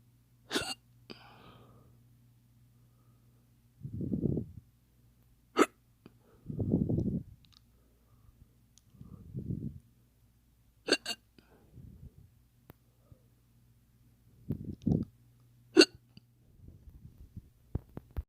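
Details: Fake, imitated hiccups: sharp hiccup-like clicks a few seconds apart, with low vocal sounds between them.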